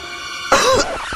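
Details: Acted adult cough in an Indonesian TV advert for a flu and cough remedy: a single short, forceful cough over steady background music.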